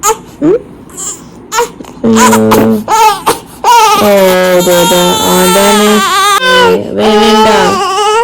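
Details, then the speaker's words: Six-week-old infant's loud high-pitched pain crying after first vaccination injections: long sustained wails with gasping breaks; baby too sore to breastfeed afterward. "ഓ ബേബിക്ക് വേദനിച്ചു കാരണം ഉമ്മക്ക് വേദനിച്ചുണ്ടോ"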